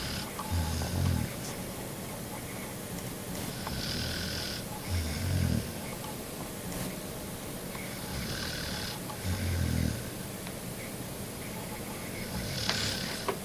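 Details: Female dog, a very heavy sleeper, snoring loudly during sleep: low rumbling snores on each breath in, about 14 a minute, with quieter hissing breaths out between them.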